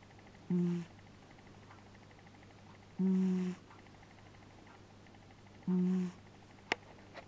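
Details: Three loud, short, buzzing snores from a sleeping cat, evenly spaced at about 23 breaths a minute, over a steady low room hum: snoring.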